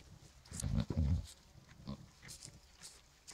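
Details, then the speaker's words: Pregnant dairy goat, due to kid around mid-March (owner thinks a single kid), makes low, rough snore-like grunting snorts while breathing, which owner says is usual for her; snoring-like grunting. "je vais vous mocher vous allez entendre comme elle ronfle on dirait moi"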